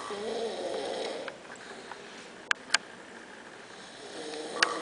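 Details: Young woman snoring lightly: soft, wavering, rattly snore sounds over about two breaths, with a few clicks and room noise.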